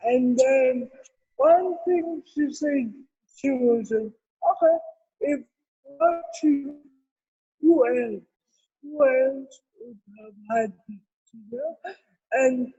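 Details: Adult woman with cerebral palsy; dysarthria associated with cerebral palsy.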